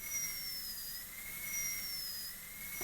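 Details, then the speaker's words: High-speed dental drill with a 330 bur cutting a distal-occlusal (DO) Class II preparation on an upper molar (tooth 3), teaching demo before students: steady high-pitched whine dipping slightly as the bur cuts near the adjacent tooth's contact. "I'm going to put a hole right next to the adjacent tooth and as close as possible to the adjacent tooth but in the middle of the contact facial LLY"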